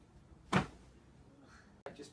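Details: Single short, sharp pop during a fast, shallow side-lying low back chiropractic adjustment in an adult ex-Olympian boxer with previous disc surgery in 2009; joint cavitation.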